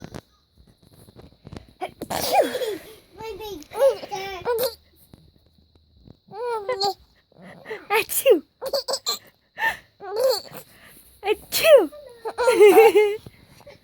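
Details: A mother's repeated sharp sneeze bursts, each followed by her infant's giggling laughter: sneezing.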